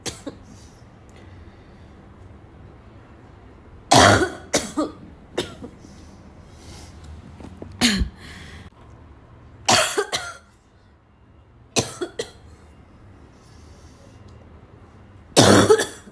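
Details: About six hard, harsh coughing bursts, some in quick pairs, separated by quiet pauses; forceful repeated cough with a rough, barking quality.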